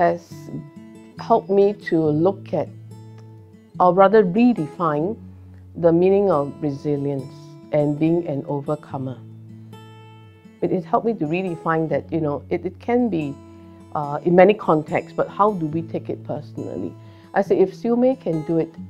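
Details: Adult woman speaking; typical speech.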